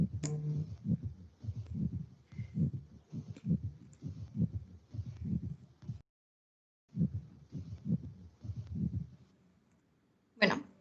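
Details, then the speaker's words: Pericardial friction rub in pericarditis: scratchy, grating low sounds repeating with each heartbeat. "en este vídeo vamos a escuchar cómo es el frote pericárdico"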